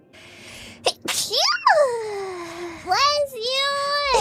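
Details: A VTuber sneezes once: a sharp burst of breath, then a high voiced squeak and talk.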